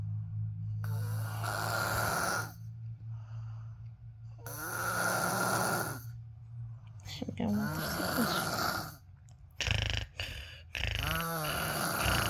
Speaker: Sleeping, my boss. My boss snoring. I can't sleep. What can I do now? It's too loud.